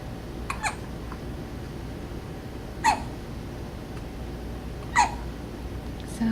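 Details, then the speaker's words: 5-day-old baby girl in her first week home hiccupping about 30 minutes before a feeding; she hiccups before or after every feeding. About four short, abrupt hiccups roughly two seconds apart over low room noise. "oh there we go hiccups on the camera before and or after every feeding you have hiccups"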